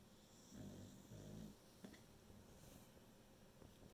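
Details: Sleeping Beagle, tired from working from home: two soft, low, fluttering snores under steady room hum, then a faint snuffle; snoring.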